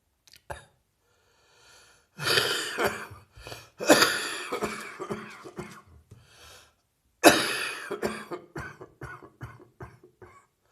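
Three harsh, heavy coughing bouts from an adult, each breaking into a run of rough coughs, typical of a chest cold.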